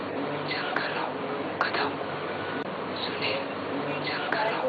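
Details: Breathy voice from left-sided unilateral vocal fold paralysis, managed by watchful waiting; the voice fully recovered after six months.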